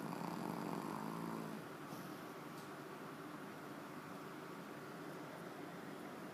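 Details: Sleeping dog, whose tongue hangs out and moves while she sleeps, snoring: a rumbling, fluttering snore in the first second, then fainter steady breathing.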